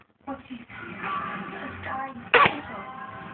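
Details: Infant, first cold, makes soft vocal sounds, then a short, sharp, loud sneeze with faint music behind.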